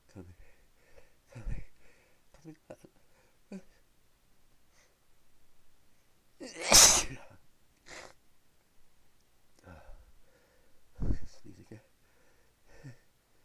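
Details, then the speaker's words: Person who had been sneezing all day and kept sneezing for another 20 minutes: one loud explosive sneeze with sniffs and small noises around it; a sneezing bout. "I've been sneezing all day. Excuse me. Sneezing. Another. Another."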